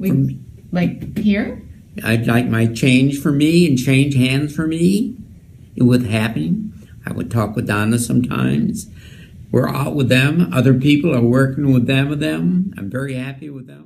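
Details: Man with archetypal Wernicke's (fluent, receptive) aphasia, speaking fluently but without clear meaning; Wernicke's aphasia (fluent aphasia).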